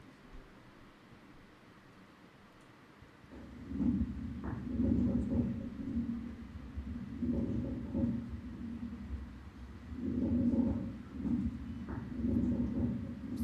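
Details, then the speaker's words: Crackles: typical end-inspiratory crepitations, as heard in interstitial lung disease (ILD); may also be biphasic. "in uh ild you have the typical end inspiratory crepitations and this you can get biphasic"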